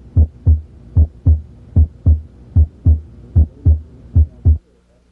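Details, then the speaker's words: Normal heart sounds, S1 (mitral closure) and S2 (aortic closure), longer diastole than systole: regular paired lub-dub, about 75 beats a minute, short pause then longer pause. "Because diastily usually lasts longer than cy, you can identify the two sounds. One, two, one, two, one, two."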